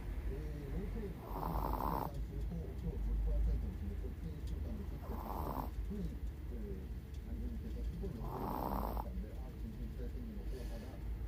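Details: A 16-year-old Chihuahua with cataracts and hearing loss, snoring while deeply asleep during a daytime nap: three soft, rhythmic rattling snores about every 3 to 4 seconds over faint room noise.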